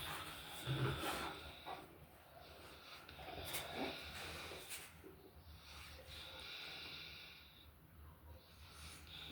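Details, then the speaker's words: Puppies snoring while asleep after eating a meal: soft snorting, rattly breaths, roughly 20 a minute, with faint room noise. "ouTube what's the deal this what happens when you feed your dogs that good food got him snoring he ate all his food well not all of it but got a little bit left now he he's being lazy now snoring"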